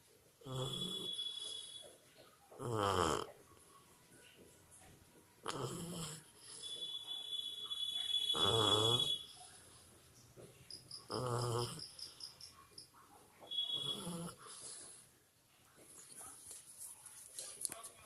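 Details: Sleeping 2-month-old Labrador puppy snoring like a human: five loud, rhythmic, rasping snores about 2.5–3 seconds apart, quieter breaths between, faint room noise.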